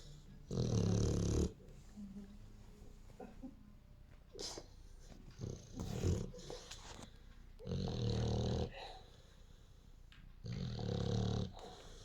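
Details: Dog snoring while asleep: deep, rattling snores in regular breaths about every three to four seconds, with small snorts between them.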